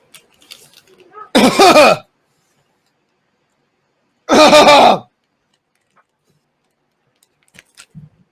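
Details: Person doing a sour pickle balls eating challenge: two harsh, forceful, choking-type cough bursts with throaty voicing, separated by silence, before saying he threw up.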